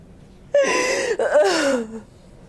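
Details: Two sudden voiced gasps, each a sharp, high inward cry falling away, from a woman lying on her side during hands-on fascia healing with chiropractic adjustment; gasping.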